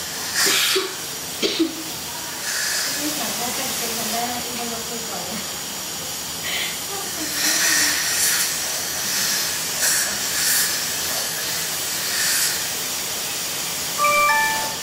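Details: 5-year-old girl at a dental cleaning and fluoride visit after earlier fillings: steady hissing air and water spray from dental cleaning instruments, with faint talk and a few brief beeps at the end.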